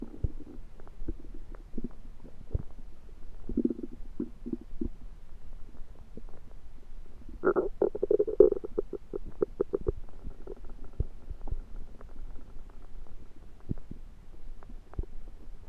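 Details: Belly sounds that began suddenly after eating something self-cooked, suspected undercooked, late February 2023: low gurgling and bubbling rumbles with a longer burst of rapid gurgles midway; active bowel sounds (borborygmi).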